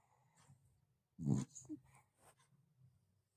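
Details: Indian Spitz dog snoring while asleep.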